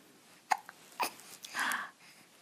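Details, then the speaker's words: An 11-week-old baby boy hiccuping: two sharp, brief catching sounds followed by soft babbling; the mother also mentions gas. "hi hi this is my Smiley boy as soon as I turned it on you started hiccuping is that what you were doing"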